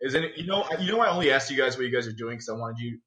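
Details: Adult male speaker; normal speech.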